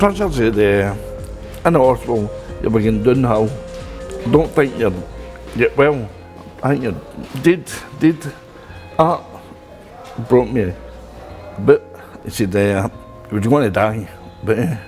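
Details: Adult man speaking; aphasia after stroke.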